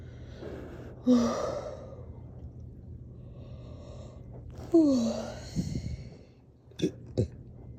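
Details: After an intense workout and drinking water too fast: two voiced, falling-pitch burps, then two short, sharp hiccups, over a low hum.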